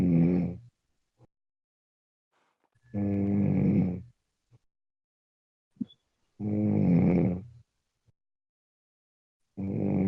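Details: Person snoring during sleep: regular loud, vibrating snores on each inward breath, about 18 a minute, with silent pauses between in a quiet room.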